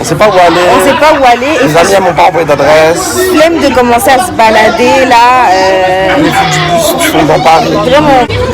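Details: Adult speaker; Normal voice.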